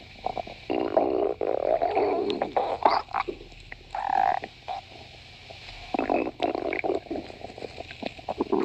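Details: Stomach growling (borborygmi): irregular bursts of low, croaking gurgles and squelches, some drawn out and some brief, from gas and fluid moving through the gut.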